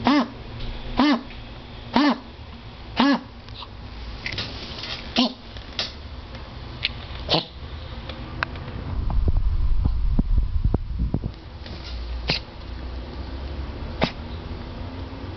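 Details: Coughing episode that occurs only when stressed, e.g. after being told no, then fine to play again: four loud, voiced, honking coughs about a second apart, then quieter hacks and rustling.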